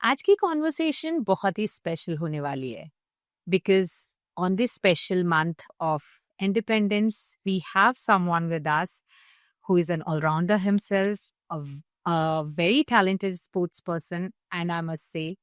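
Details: Adult woman speaking; Typical adult speech.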